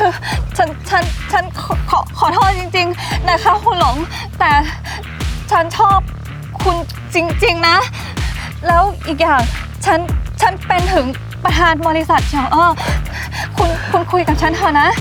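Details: Acted stuttering by a young woman in a comedy skit, said to be not from birth but from a lack of self-confidence; sound and syllable repetitions; stuttering (acted).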